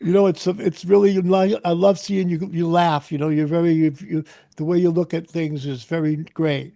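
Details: Adult male speaker; Typical speech.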